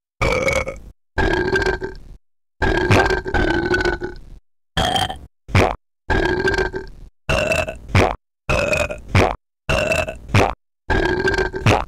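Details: Deliberate burping recorded as an experimental music track: about a dozen loud, drawn-out burps with short pauses between them in a quiet room.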